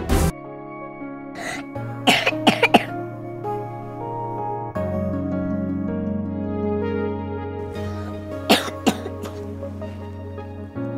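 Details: Acted cough from a child character (Reyna) in a TV drama, who has a sore throat and high fever: several short, dry cough bursts in small clusters over soft background music.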